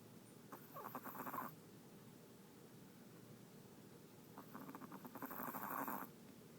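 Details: 12-year-old Chihuahua in deep sleep: two raspy, fluttering snores about four seconds apart with quiet breathing between; snoring.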